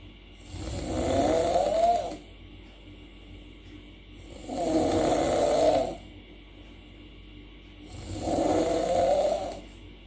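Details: Habitual snorer recorded during a personal review of anti-snoring devices, apparently while using one: three loud, rumbling snores, one every three to four seconds, each over a second, with quieter breathing between.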